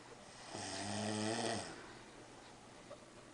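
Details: Adult man (father) snoring while napping beside his 4-month-old baby: a single drawn-out, rumbling snore on an in-breath against a quiet room.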